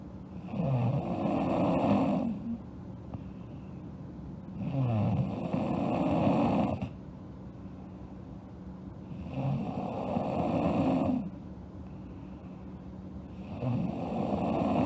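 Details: Sleeping girl snoring: steady rattling snores on each breath in, about 14 breaths per minute, with quieter breaths out between; regular snoring, music audible nearby.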